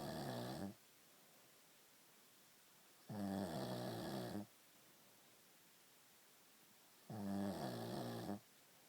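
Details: Loud, droning, rattling snores roughly every four seconds, about 15 a minute, with quiet pauses between them; ordinary snoring.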